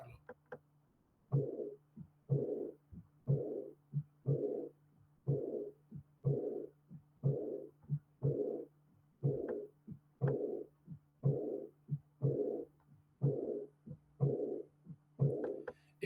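Regular heart sounds at about 60 a minute, each cycle carrying a loud, blowing, fading murmur right beside a heart sound: an early diastolic murmur of aortic regurgitation.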